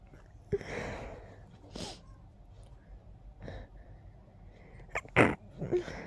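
A rapid run of several sharp, forceful sneezes with a stuffy, congested nasal quality.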